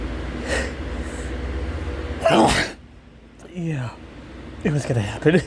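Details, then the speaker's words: One loud sneeze after an indrawn breath, then a short gasp and brief talk over steady box-fan noise; allergic sneezing attributed to pollen pulled indoors by fans while the AC is broken. "oh jeez i keep blowing my nose but nothing it doesn't help i just keep sneezing"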